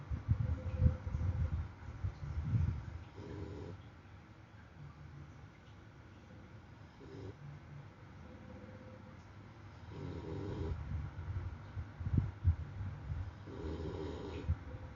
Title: Snore /เสียงกรน